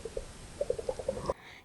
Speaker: can you hear my stomach growling it is literally growling I'm so sorry